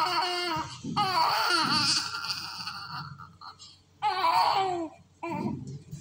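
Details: Loud, high-pitched bursts of crying with brief pauses from a newborn in NICU care with abdominal distension and colic pain, before a glycerin suppository procedure; infant crying.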